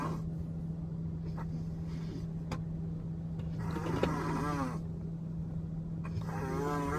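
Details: Snoring in the backseat of a car on the way to the Miss Long Island pageant.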